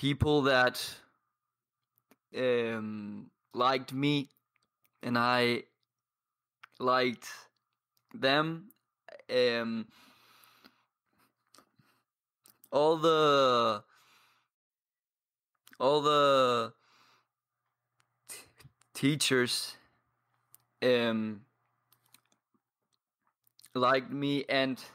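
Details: 22-year-old man who has stuttered for as long as he can remember; speech with blocks and long pauses between words; stuttering.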